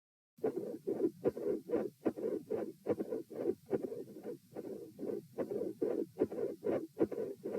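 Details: Auscultation stress test recorded at position T while the patient lies, sits, stands, then lies again: midsystolic murmur with a split S2 and murmur around S2.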